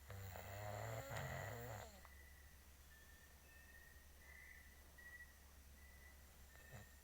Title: My hubby snoring while Sleeping.#Howtostopsnoring